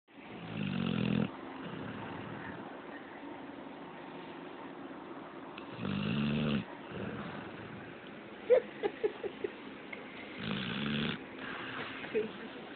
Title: Doobie snoring!